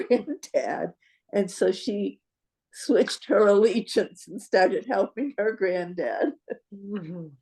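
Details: Adult woman speaking; normal speech.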